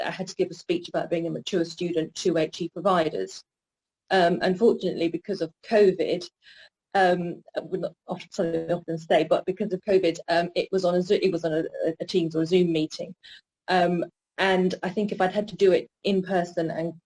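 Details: Stuttering (stammering) in a woman in her 40s, with an audible word repetition.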